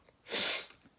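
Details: Person sick with a cold, runny and stuffy nose and cough: one forceful, hissing sneeze lasting about a third of a second.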